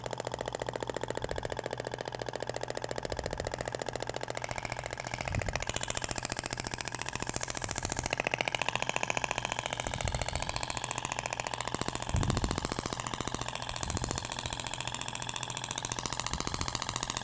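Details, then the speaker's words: Radial shock wave therapy applicator (Thork, ESWT) firing over the abdomen, avoiding the umbilical scar: rapid, even tapping about 210 pulses a minute with buzzing undertone. "agora vai pro outro sentido até o barulho é diferente da pompea de poliacetal pra inotes desvia da cicatriz umbilical"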